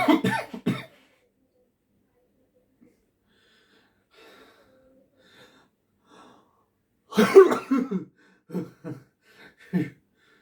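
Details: Two bursts of short, harsh coughs separated by a quiet pause, performed for a coughing audition video; acted cough, not real illness.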